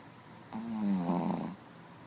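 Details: Snoring: one droning, fluttering snore of about one second, buzzing during breathing in, in a quiet room.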